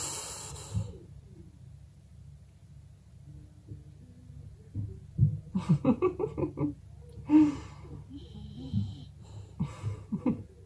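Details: Resting English bulldog snoring in a quiet room: soft snuffling, snorting breaths and short rattling snores.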